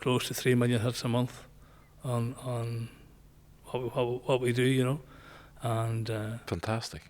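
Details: Man nearly 65 with Parkinson's disease, voice problem noticed before diagnosis, also word-finding difficulty; hypokinetic dysarthria (Parkinson's disease).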